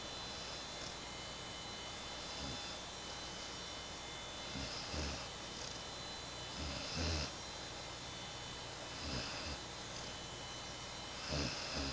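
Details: Bloodhound dog snoring away while taking a nap.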